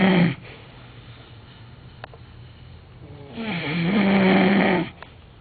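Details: Real snoring, recorded in Miami: a loud, buzzing snore on the in-breath after a quieter breath, from upper airway vibration in sleep.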